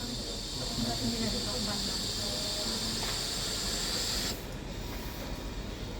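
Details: Puritan Bennett 980 ventilator running its pre-use self-test (circuit resistance test): steady airflow hiss cutting off abruptly after about four seconds; faint voice in the background.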